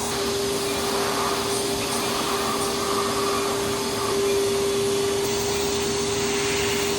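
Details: Steady loud whooshing hum with a constant tone, like a suction fan, from a smoke evacuator running during a numbed CO2 laser facial resurfacing treatment on a woman with a history of melasma.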